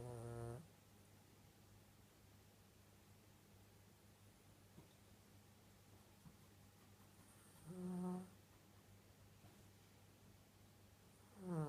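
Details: Soft, droning snore sounds recurring about every seven seconds over a quiet room hum; snoring during sleep.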